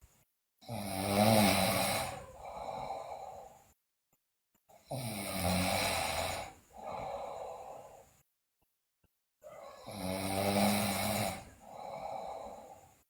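Loud, rattling snores on each breath in, with a softer noisy breath out, about 14 breaths a minute; heavy snoring during sleep.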